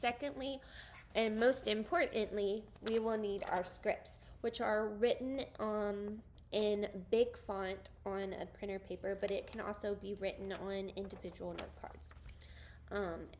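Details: Adult woman speaking; typical speech.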